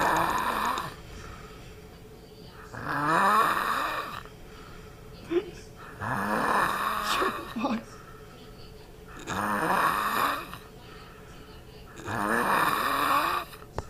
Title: Choko and the weirdest snore ever